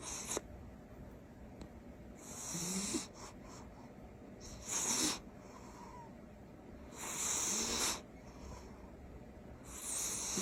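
Loud hissing snores from a sleeping cat, recurring every few seconds against steady room noise; ordinary snoring.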